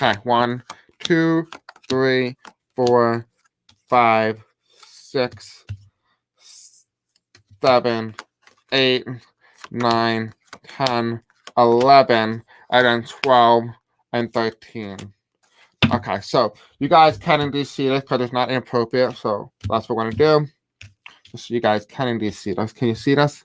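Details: Deaf male speaker with a self-described deaf accent who reports difficulty pronouncing certain words; deaf speech.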